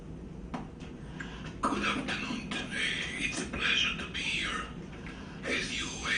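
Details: Adult male physician who had a laryngectomy for head and neck cancer and has no vocal cords; he speaks through a small prosthesis connecting trachea and esophagus; tracheoesophageal speech.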